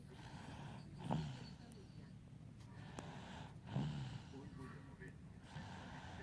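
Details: Baby girl asleep after tiring trick-or-treating, snoring loudly: two loud snorting snores about 2.6 seconds apart over steady noisy breathing, with a softer third at the end.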